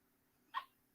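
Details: A single brief, sharp, airy sneeze from a female animal in a quiet room.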